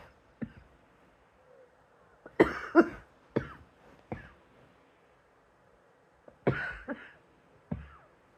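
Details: About eight short, dry coughs in loose clusters, some in quick pairs, separated by quiet pauses in a small room: coughing.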